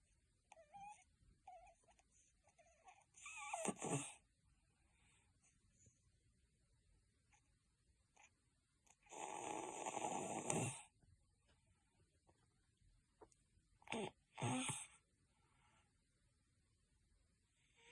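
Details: Congested cat snoring: harsh, rattly snoring breaths with quiet stretches between noisy bursts.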